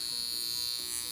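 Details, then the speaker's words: High, steady electrical buzz like a bug zapper from a portable high-frequency facial device with a gas-filled glass electrode; the user says it feels like zapping but doesn't particularly hurt. "it feels like a zapping as it sounds like a bug zapper it feels like a bug zapper it doesn't particularly hurt"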